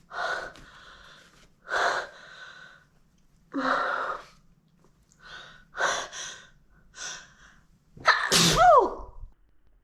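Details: Huge, powerful sneezes after something tickled the nose, with intense long build-ups and hitchy breaths: about seven sharp, explosive sneezes ending in a louder final sneeze with a gasp. Sneezing.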